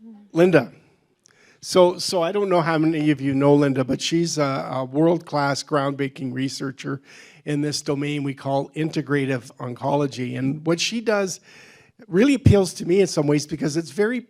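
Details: Adult male speaker; normal speech.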